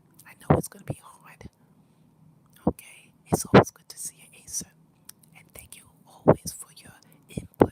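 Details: Aphonia with whispered speech from laryngitis in an adult man who has lost his voice but is getting better.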